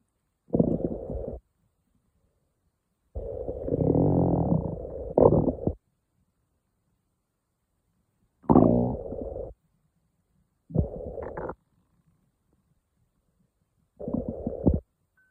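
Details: Morning stomach growling on waking: five separate bursts of gurgling, rumbling stomach noise with quiet gaps between them; ordinary bowel sounds (borborygmi).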